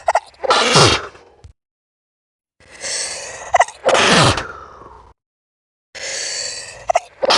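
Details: Sneezing played back slowed down: two sneezes, each a sharp inhaled buildup then an explosive burst, with a third beginning at the end.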